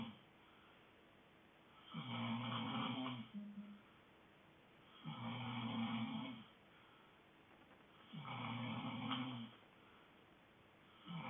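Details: Sleeping dog snoring: regular low, rattling snores about every three seconds, roughly 19 a minute.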